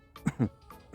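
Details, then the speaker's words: An adult demonstrates a coughing technique for stopping a coughing fit: two or three short, deliberate coughs on pushed-out breath, exhaling rather than inhaling first. Voluntary cough. "Когда мы так кашляем, мы будем еще больше кашлять. И кашлять нужно вот так."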